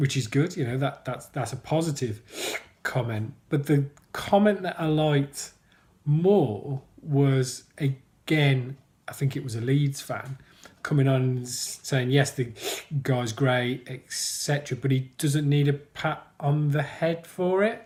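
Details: Adult man who stammers, mentioning blocking; stuttering (stammering)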